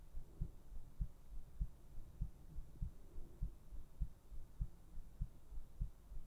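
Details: Normal heartbeat: steady, regular low thumps at about 100 beats a minute over a soft low hum.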